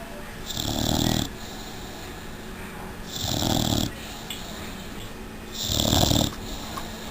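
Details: 6-month-old Old English Bulldog snoring in her sleep: three loud rattling snores in about seven seconds, with a quieter whistling tone on each breath.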